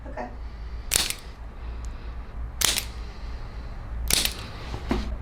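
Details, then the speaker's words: Handheld chiropractic adjusting instrument applied to the foot arch, where the thumb is placed, during foot therapy; starting light, then more pressure: three sharp spring-loaded clicks about 1.5 seconds apart over low room hum. "so i'm going to use a similar instrument where you felt the tap on your neck it's slightly different but you're going to feel it right here where my thumb is on your foot"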